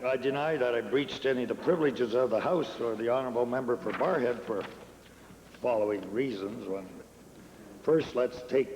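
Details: Adult male speaker; ordinary speech.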